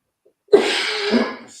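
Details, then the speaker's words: One forceful, drawn-out, harsh cough lasting about a second, from an adult man on a podcast who is described as sounding like he is coughing up a lung. "He over there like he coughing up a lung or something, man."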